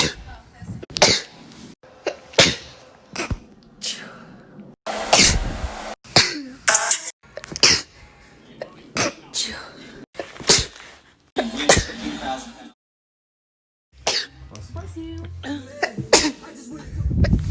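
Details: Sneeze compilation: repeated explosive sneezes from different people in quick succession, some with brief talk between. Ordinary sneezing.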